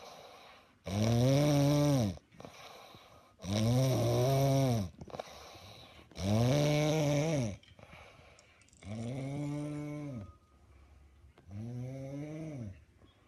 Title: paw to ki snoring